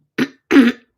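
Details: Adult woman clearing her throat and coughing, a cough she relates to seasonal allergies with trees blooming: two short throaty bursts, a brief throat clear followed by a fuller cough.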